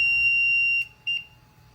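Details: A steady high-pitched electronic tone, then a brief second beep: the LTV ventilator's power-on alarm as the on button is held to restart it after a circuit change.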